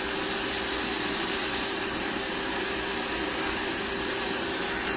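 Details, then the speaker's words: Electric rotary grinder at reduced speed on thick, uneven calluses on the bottom of an adult man's foot: steady high-pitched whine and gritty grinding. "okay so i'm just gonna grind this down though"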